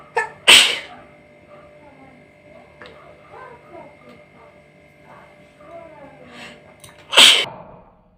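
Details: Sneezing challenge: two sharp, explosive sneezes, near the start and end, with quiet breathing and faint room noise between.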